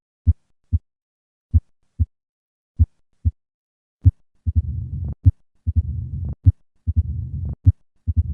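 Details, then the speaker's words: Mitral stenosis: low-pitched diastolic rumbling murmur heard at the cardiac apex with the stethoscope bell, possibly with an opening snap. "In summary, mital stenosis is a low-pitched diastolic rumbling murmur which is heard at the cardiac apex with the bel"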